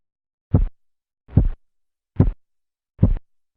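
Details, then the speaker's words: Korotkoff phase 3 during manual blood pressure measurement over the brachial artery as cuff pressure falls: the murmur disappears, giving four crisp, louder regular thumps at about 72 a minute. "en la fase 3 el murmullo desaparece dando paso a un sonido más nítido y de mayor intensidad"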